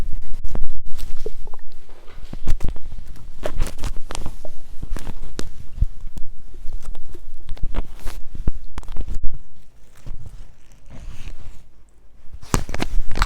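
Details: Irregular low gurgles, pops and watery squelches from a hungry belly: stomach growling (borborygmi).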